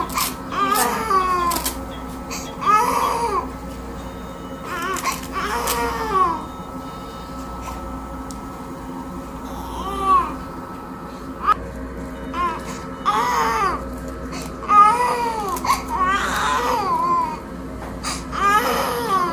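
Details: 4-month-old infant waking from general anesthesia and extubation after cleft lip repair surgery: repeated short, strained, whimpering cries over music and room hum.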